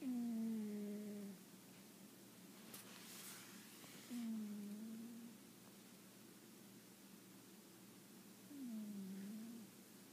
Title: My cat snoring